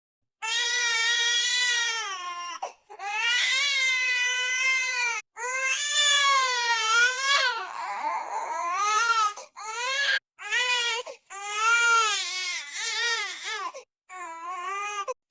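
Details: Repeated drawn-out wailing cries with brief gasping pauses; infant crying and fussing, from a royalty-free sound-effects collection.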